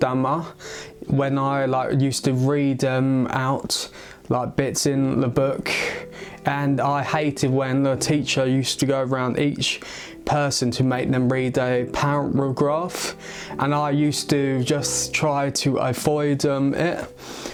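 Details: Adult male who has stammered since age eight, which he links to a skull fracture from a baby-walker fall at age three or four; it worsens with stress or around people; he has had speech therapy and an intensive course; stuttering.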